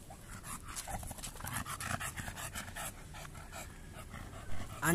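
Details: Overweight bulldog, with stamina and hind legs being checked, on a midday walk: fast, rhythmic open-mouth panting about three breaths a second with outdoor noise, already out of breath after only walking; exercise-induced panting.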